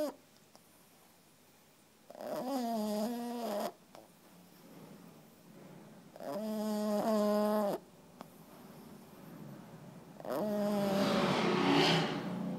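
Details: 3-month-old female French Bulldog puppy asleep, tired from playing all day: three long, noisy, voiced snoring breaths at about 14 a minute, with quiet exhalations between; snoring.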